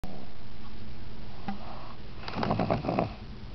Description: Just a short, sweet little clip of my pug snoring while she's awake.